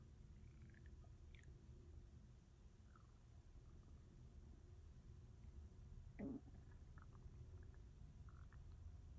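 Low, continuous abdominal rumbling with a brief louder gurgle and a few squeaky bubbling sounds; ordinary hunger stomach growling.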